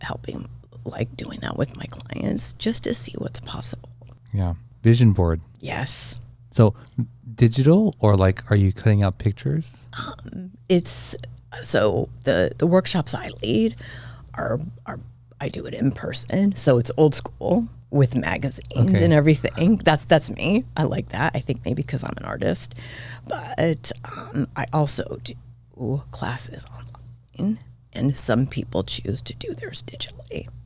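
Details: Adult woman diagnosed this year with spasmodic dysphonia; she attributes it partly to voice overuse and partly to stress, and says it is occurring during this recording; finding: spasmodic dysphonia.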